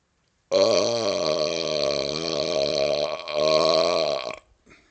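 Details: Long, loud, voiced belch of about four seconds with a rumbling, wavering pitch, recorded outdoors on a second-floor porch during a snowstorm in cold weather; burping.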